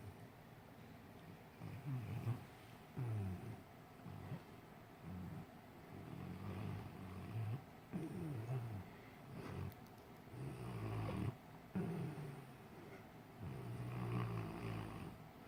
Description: Jackson, my English Mastiff, having a dream and snoring loudly.